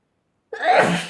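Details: A person sneezing into a Kleenex tissue: a single abrupt, forceful sneeze after silence.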